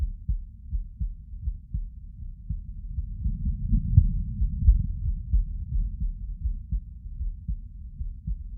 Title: 寝そべり心音 Lying heartsound